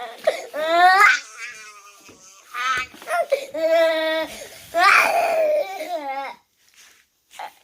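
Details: One-year-old boy woke crying and would not settle for about 10 minutes, wriggling when held; parent suspects teething or growing pains. Loud, sustained, high-pitched wails with gasping breaths; inconsolable infant crying.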